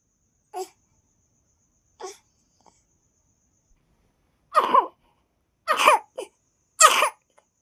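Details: Son's cough: two faint short coughs, then three louder harsh coughs with a small trailing cough, about six in seven seconds; a repeated child's cough.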